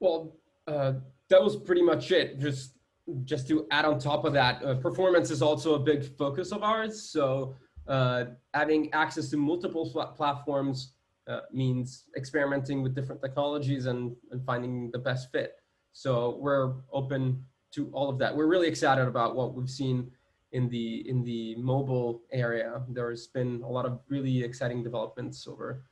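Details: Adult male speaker; normal speech.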